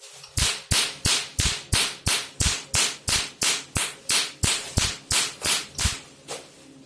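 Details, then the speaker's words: Handheld pico laser with the 532 nm tip removing red tattoo colour, power adjusted, described as very powerful: rapid, regular sharp snapping pulses about three per second; pico laser firing. "okay you can see it's very powerful okay this is how to operate this machine thank you"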